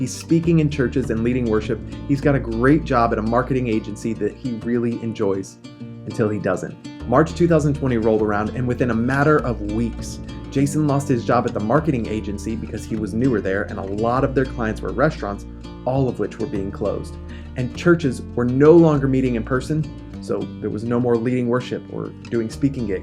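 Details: Adult male speaker; Normal speech.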